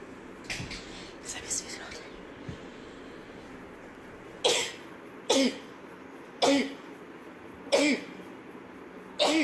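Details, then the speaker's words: Young woman who says she has a sneezing disorder, while cleaning dust: several short, sharp, explosive bursts in a row after quiet talk; rapid repeated sneezes. "just cleaning that means there's dust everywhere me I'm going to"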